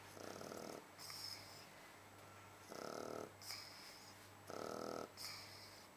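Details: Sleeping Shar Pei dog snoring in three even cycles, rattling fluttery inspiration and softer whistling expiration, about 27 breaths a minute.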